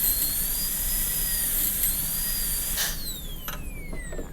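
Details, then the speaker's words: A high-speed dental drill gives a steady, slightly wavering whine, then spins down. It is extending into the buccal, lingual and distobuccal grooves of a Class II mesio-occlusal preparation on typodont lower tooth 30 in a demonstration. "Now I'm going to extend up the buccal groove, the lingual groove, and the distal buccal groove."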